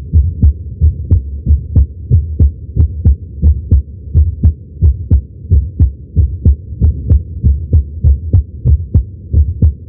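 Steady low thumping heartbeat through a stethoscope, about 90 beats a minute, with a constant low hum behind it.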